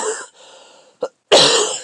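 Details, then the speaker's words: Adult with a cold, much improved, coughing while talking: a few harsh, breathy cough bursts in a quiet room; cough. "It just did not go into my head. I just couldn't hear it. Here comes the cough again."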